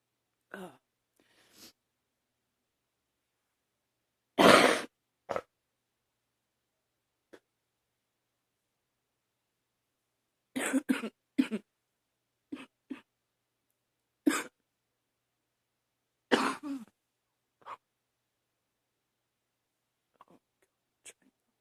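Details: Barking cough from a person who woke up this morning coughing, with wheezing, which they suspect is allergies: harsh barking coughs in short bursts with quiet pauses and noisy breathing between.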